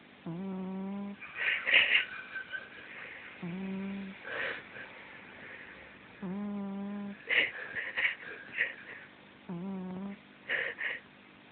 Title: Harvey the incredible snoring cat 2